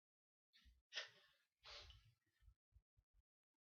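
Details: Sneezing fit: a quick inward breath, then two forceful hissing sneeze bursts followed by short sniffs, as one of many sneezes in a row from someone alone.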